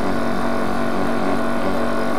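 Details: Steady loud motor hum and buzz of an electric piston-type nebulizer compressor running, turning liquid medicine for asthma or COPD into a fine inhaled mist during a demonstration.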